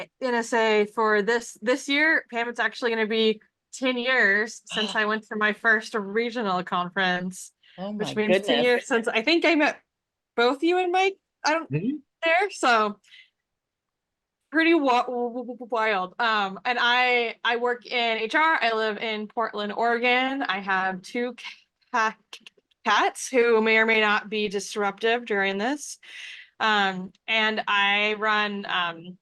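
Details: Adult man who stutters, with sound and word repetitions heard: stuttering.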